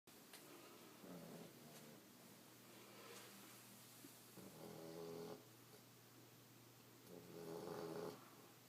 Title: Cutest snoring Australian shepherd puppy